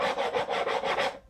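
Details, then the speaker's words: Teaching recording for cardiac auscultation: pericardial friction rub, a harsh scratchy to-and-fro rasping like sandpaper rubbed on a wall, repeating with each heartbeat. "البريكايد الراب هي حاجه اسمها تو اند فرووند ايه تو ان فرود يعني عارفين ورق المحاره عامله كده لما حد يمحر الحيطه"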